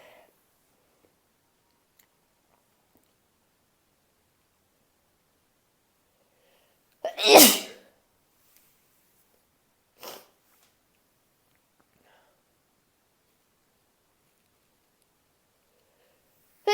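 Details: Morning sneezes, about two hours after waking, after sneezing about four times: one loud, sharp sneeze after a brief inhale, then a smaller second burst; an ordinary sneeze.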